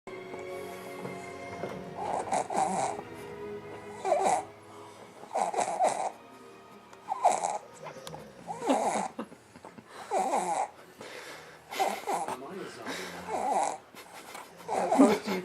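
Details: Snoring from Drake, an animated character. Slow, rough snores over background music, about eight in fifteen seconds.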